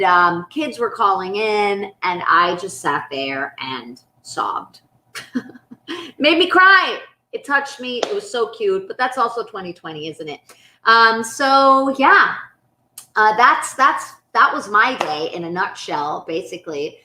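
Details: Adult speaker; plain speech.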